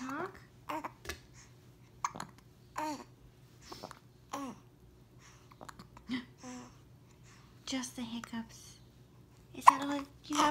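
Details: Six-week-old baby boy with hiccups: short, repeated catching gulps mixed with soft baby noises, over quiet adult talk in Spanish.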